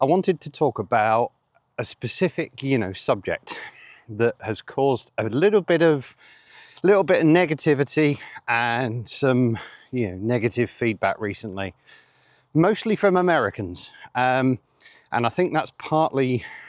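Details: 47-year-old man with stuttering (stammering) since age eight, with blocks, pauses and filler words, worse under pressure; he rates it milder than many people's.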